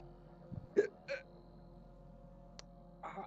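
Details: Two people with hiccups at the same time: several short, abrupt hiccup sounds with a low steady hum in the background.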